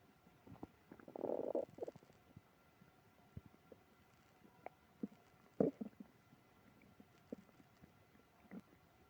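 Gurgling, rumbling bursts and squelches from the belly, one longer growl early on: loud stomach growling, bowel sounds from digestive upset.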